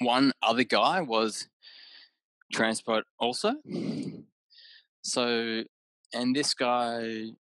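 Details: Aphasia in an adult man about six years after a haemorrhagic stroke caused by an AVM at age 34, with right-sided deficits, word-finding difficulty and mixing up of similar objects.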